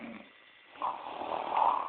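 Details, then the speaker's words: Friend asleep, snoring very loudly and getting louder: a loud, rough in-breath snore rising after a short pause; snoring. "I think kids could see the It just keeps getting louder. I'm starting. I know. But you have to admit this is funny."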